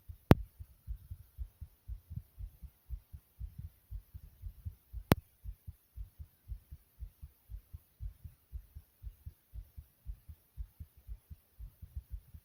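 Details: Rapid, steady low lub-dub heartbeat at roughly 120 beats a minute with two brief sharp clicks; a person's own fast heartbeat.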